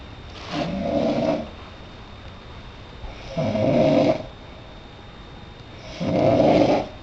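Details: Male sleeping deeply on Christmas morning, snoring: three loud, rough, rattling snores about 3 seconds apart, roughly 20 a minute, with quiet pauses between.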